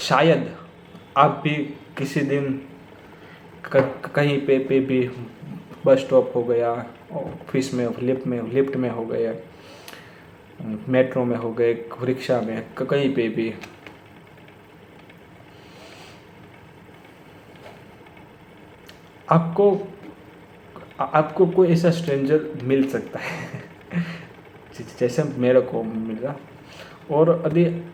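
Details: Stuttering in an adult man speaking Hindi who says he has stammered for many years, worse when talking to his father, with blocks on the 's' sound.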